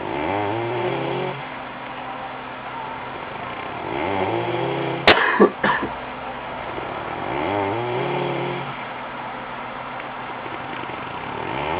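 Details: Loud, low, rattling snores on each in-breath, about 16 breaths a minute, broken once by a brief cough-like snort; snoring.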